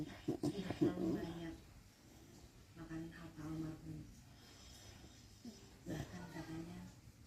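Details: Beagle snoring while asleep after bathing: quiet, irregular, whistly breaths with a few faint snorts under low room noise.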